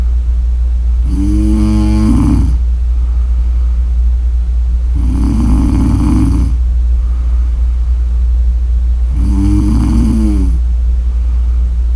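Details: Three loud, rattling snores about every four seconds, around 15 breaths a minute, over a steady low background hum: snoring during sleep.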